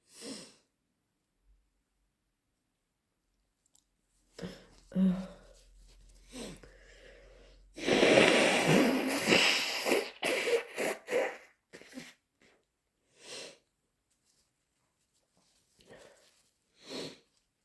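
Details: Induced or hay fever sneezing: several wet sneezes with sniffs between, then a long, congested, snotty nose blow; no clear wheeze.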